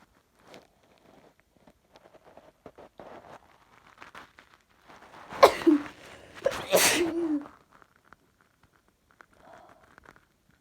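Quiet rustling, then a sharp indrawn breath and two loud sneezes; an ordinary sneeze.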